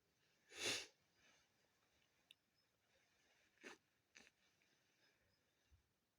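One loud sneeze followed by quieter sniffs and short nasal bursts, fitting sneezing and congestion from a head cold.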